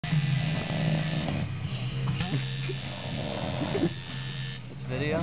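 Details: Man asleep while getting a face tattoo: loud, rattling snores, with a tattoo machine buzzing and brief talk in the background.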